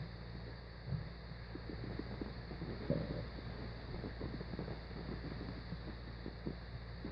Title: Stomach growling